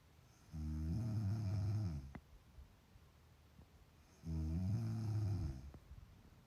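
Loud, deep rattling snores on each inward breath, two heard about four seconds apart, with quiet breathing out between them.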